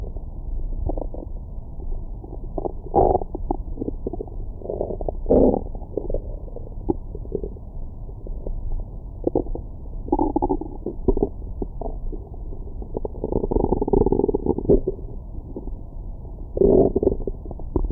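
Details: Abdomen recorded with a Stemoscope stethoscope microphone after a large meal: continuous muffled gurgles, bubbling and rumbles; active bowel sounds.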